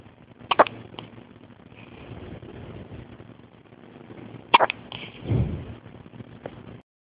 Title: Hiccups in the hospital.... 1 day old